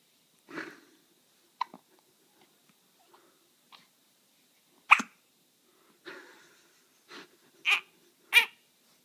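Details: Hiccups: short, sharp hiccup sounds at irregular intervals, several over nine seconds, with faint breathing between.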